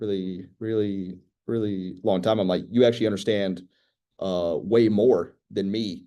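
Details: School-age girl who stutters, real person receiving speech therapy that teaches strategies such as slow speech; stuttering.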